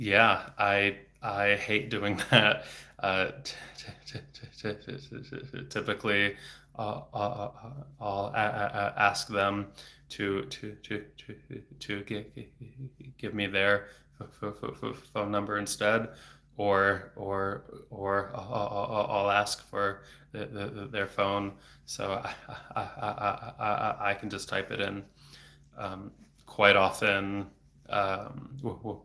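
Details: Adult man who has stuttered since age eight, about 26 years, with speech therapy off and on until his early 20s; no fluency strategies used here; frequent repetitions and blocks felt as throat tension; stuttering.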